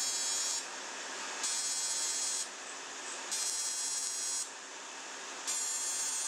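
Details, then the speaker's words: Ablative fractional CO2 laser (DeepFX handpiece) on a dark-skinned (type IV) patient with acne scars, treating nose and near the eyes: steady cooling-device hiss with high buzzing bursts about once a second. "I use the hood on the presser because the hood is a uh be is not plastic. So one shot here immediately the second one and there's no risk to hit the eyes."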